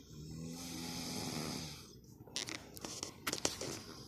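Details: Father and daughter snoring during sleep: a long buzzing, vibrating breath fades out, followed by several short rattling, hissing breaths.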